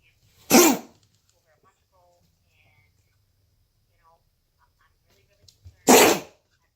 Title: Cozy coughing